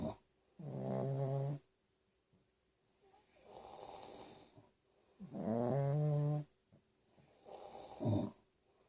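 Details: Snoring: deep buzzing snores alternating with softer breathy ones, about one every three to four seconds; loud rhythmic snoring.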